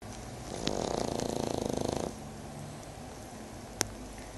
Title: Snoring French bulldog